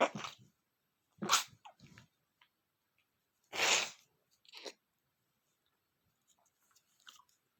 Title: male sneezing #24 (I'M STILL SICK 😞)